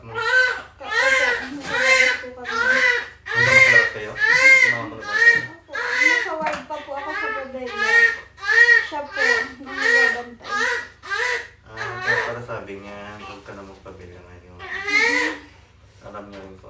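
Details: Strong, rhythmic crying of a newborn just after a normal vaginal birth with a cord coil, about 80 cries a minute, loud and sustained over a low room hum; a vigorous newborn cry.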